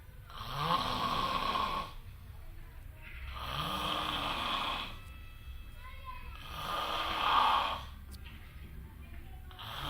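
Loud, drawn-out snores, about three in ten seconds with quiet breaths between them. Heavy snoring during sleep.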